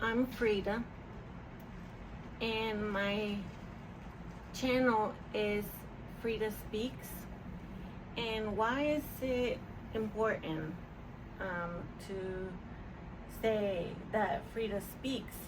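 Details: Adult woman with mild residual aphasia from a stroke in 2020; she is mostly recovered but still forgets words and speaks slower.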